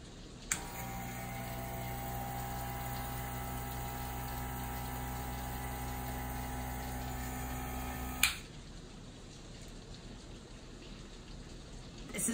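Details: Compressor nebulizer running with 3 ml immuno, a taped mouthpiece held to the nose to reach the sinuses: steady low mechanical hum with a buzzing rattle for about eight seconds, then it switches off.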